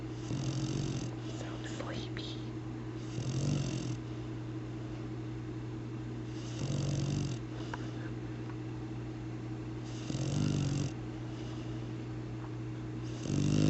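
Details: Labrador mix dog snoring while asleep: regular low, fluttering snores about every three seconds, roughly 18 a minute, over a steady background hum.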